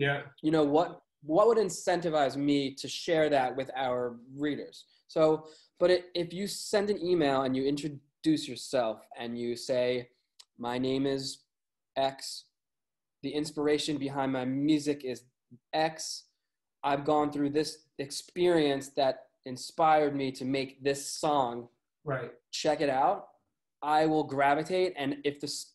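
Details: Adult male with a lifelong stutter; stuttering.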